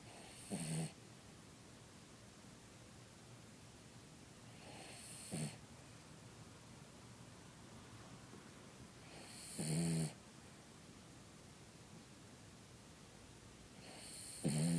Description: This is just 30 seconds of the last hour & it's getting worse. How can noise come out of such a small dog